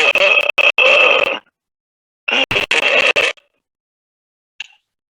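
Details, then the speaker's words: Stridor from laryngospasm, the most severe vocal cord dysfunction, where the vocal cords close completely and prevent breathing: two harsh, high-pitched, strained crowing noises on attempted breaths. "is the most severe type of vocal cord dysfunction, when the vocal cords come together completely, preventing a person from taking a breath at all. A high-pitched sound results, known as stridor."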